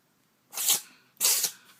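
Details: Cat (kitty) sneezing repeatedly in a bout lasting over a minute: two sharp, hissing sneezes in quick succession; sneezing.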